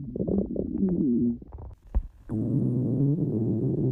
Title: stomach growling